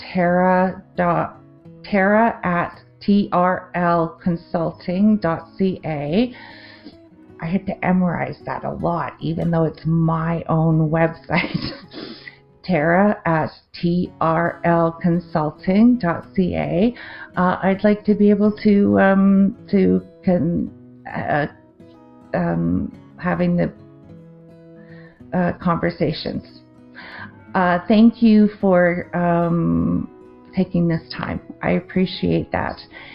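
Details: Adult woman with aphasia after a 2023 stroke affecting the left-brain language centre, with word-finding difficulty, confusion with words and difficulty forming sentences; non-fluent aphasia.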